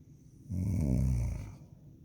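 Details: Girl's loud, deep, rumbling snore lasting about a second, rising and fading, likened to a jet plane; heavy snoring.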